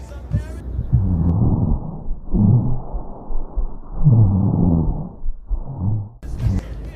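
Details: Veterinary cardiorespiratory auscultation of a quadruped's lung field: low-pitched, snoring, rumbling continuous sounds run through repeated breaths in each phase. These are rhonchi.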